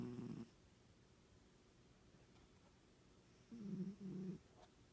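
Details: Snoring: two soft, low rumbling breaths separated by a quiet pause; gentle snoring.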